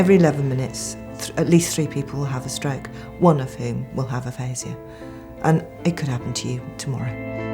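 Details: Adult narrator; normal speech.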